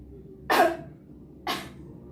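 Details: Adult female patient doing preoperative effective-cough training led by a nursing student. After instructed deep breaths, she gives two short, forceful, dry voluntary coughs about a second apart, with no sputum.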